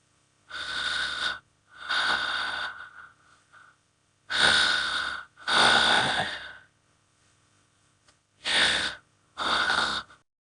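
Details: A simulated dog snoring sound effect: six long, harsh, airy breath noises in pairs, about 16 a minute.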